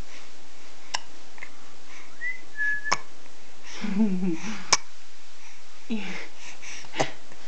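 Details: Hiccups: brief sharp hiccup clicks about every two seconds, with faint whistling and room noise behind.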